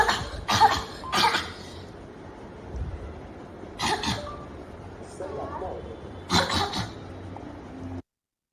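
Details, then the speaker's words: Child in Mumbai, India with habit cough (chronic idiopathic cough), second episode, current one three months, coughing daily most waking hours; loud, harsh, dry single coughs repeating every second or two with quiet gaps. "so imagine having this going on EP mul multiple hours all day long and in this child this is the second episode of habit cuu"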